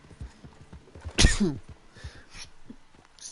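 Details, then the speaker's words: A single forceful adult sneeze close to a microphone during gaming, over in-game hoofbeats and horse sounds. "me damn I sneeze so hard my horse got scared how's that even freaking work out I'm sorry if that sounded like I literally sneezed right into the mic"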